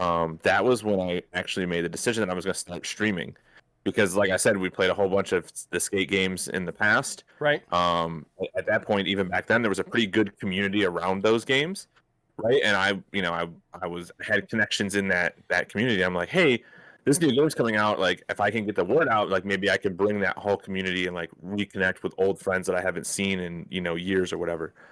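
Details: Adult male speaker; normal speech.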